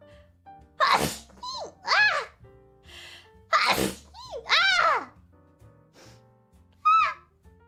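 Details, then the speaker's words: Repeated sneezing: several abrupt, explosive sneezes with high, squeaky voiced tails, separated by short pauses, over quiet background music. "this did you guys hear that that was my mom sneezing did you guys hear that that was my mom"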